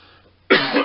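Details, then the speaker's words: Adult's single abrupt cough after a quiet moment, from a lingering throat tickle at the back of the throat attributed to sinus trouble. "you'll hear, I've still got my cough, that tickle at the back of my throat caused by sinus thing. Hopefully it won't be too distracting, but it is very annoying."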